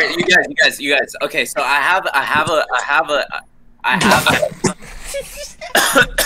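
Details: Adult male speaker; stuttering.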